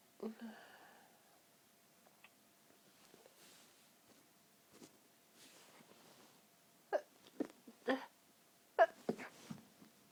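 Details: Pinched, stifled sneezes after long breathy build-ups from an incredibly tickly nose: breathy build-up breaths, then several short stifled sneezes, in a quiet room.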